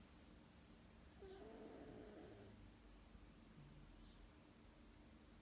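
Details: Cat snoring during a lunchtime nap: soft, low rattling breath sounds against steady room hiss.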